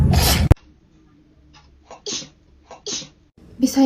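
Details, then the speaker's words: Young woman with allergies sneezing: a forceful wet sneeze opens, then quiet breaths and two short soft sneezes follow, with another starting at the end. "imut gitu ya bersinnya. Kalau bersinku kira-kira gimana ya?"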